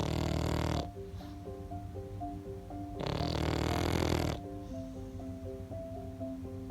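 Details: Loud rough snoring breaths from a sleeping pug, under background music; snoring of a short-snouted breed.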